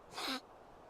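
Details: Single sneeze from a small animal in her new home: one brief, sharp airy burst ending in a short squeaky tone, quiet background.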